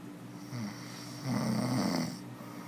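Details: Male sleeping: a low, fluttering snore lasting about a second over steady room hum; ordinary snoring.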